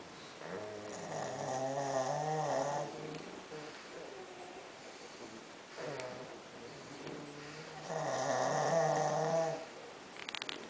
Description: This was the scene late last night: 5 out of my 6 Pug dogs piled up sleeping peacefully.......and snoring!